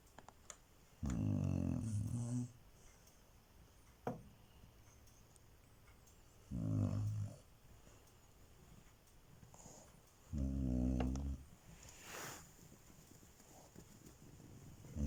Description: Chow chow snoring loudly gets a shock when woken up.